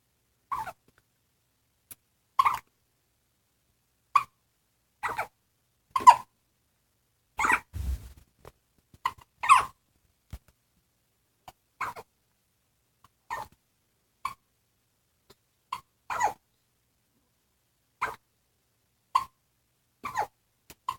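Short, abrupt squeaky gulps repeating irregularly, some in quick pairs, about 17 a minute: hiccups.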